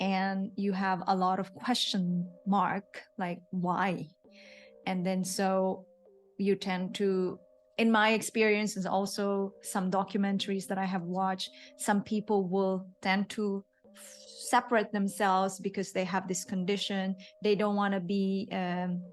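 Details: Adult woman speaking; typical speech.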